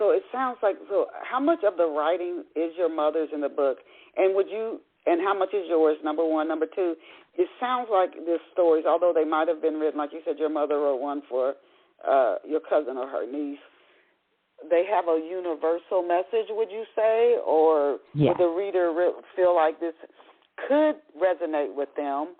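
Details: Adult speaker; normal speech.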